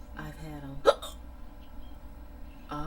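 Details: Person trying to fall asleep with hiccups on and off for about 15–20 minutes: a single abrupt, jerky hiccup interrupts speech, with a brief catch of breath before talking resumes; hiccups.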